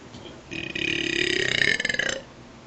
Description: some burps